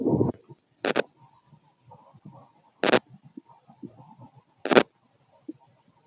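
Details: Stethoscope auscultation of the abdomen: bubbling, gurgling rumbles, the normal growling of a working gut; bowel sounds.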